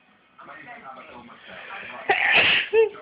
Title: Kitten frightened when I sneeze